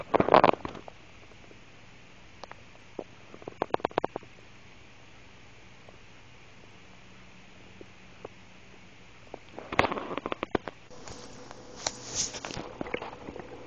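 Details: Stomach noises of an adult woman. Bursts of bubbling, squelching gurgles and clicks separated by quiet stretches. Stomach rumbling (borborygmi).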